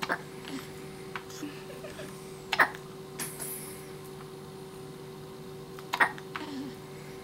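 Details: Newborn's first hiccups outside the womb, just after a feeding, swaddled with one hand escaped: two short, sharp hiccup bursts about three seconds apart over a steady room hum.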